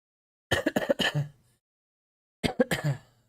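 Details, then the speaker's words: Coughing picked up by the microphone on a live stream. "i just realized you can hear my coughing on the stream that sucks"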